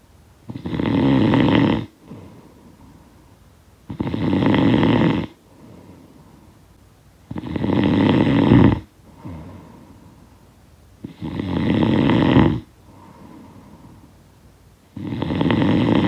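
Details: Snoring sound-effect recording: loud rough snores on each breath in, about 17 a minute, with quiet breaths out between; ordinary snoring.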